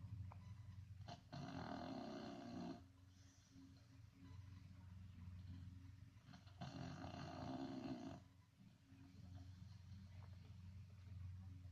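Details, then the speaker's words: A sleeping dog, said to sound like a grown man, gives two loud, rasping snores about five seconds apart, roughly 11 breaths a minute, over a low steady rumble: snoring. "Is really snoring. That don't make no sense. Like a grown man."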